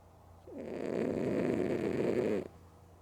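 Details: Female cat snoring loudly while sleeping with both eyes open: one loud, fluttering, raspy snore lasting about two seconds; ordinary snoring.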